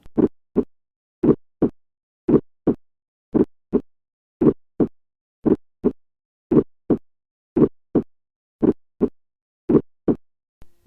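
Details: Heart-sound revision example of a systolic ejection click: regular heart sounds at about 57 beats per minute, with a sharp click just after the first heart sound.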